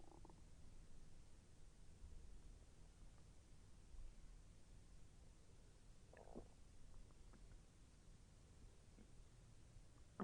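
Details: Bowel sounds during digestion; the person felt the intestine move and it was a little painful: low soft gurgling and rumbling with brief bubbling pops under a steady background hiss.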